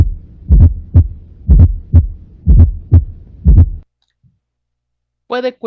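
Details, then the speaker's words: Third heart sound (S3) in a valvular disease lecture, played for contrast with S4: low heartbeat at about 60 a minute, each beat with a soft extra sound after the second heart sound, a sign of heart failure. "luego por el tercer ruido para que vea la diferencia"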